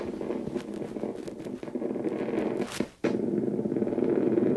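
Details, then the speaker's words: Needle EMG of a woman's tibialis anterior muscle as she points her toes fully toward her nose, after normal insertional activity: motor units fill the screen, a normal full interference pattern at full activation. "here we go and she's filling the screen so that's full activation"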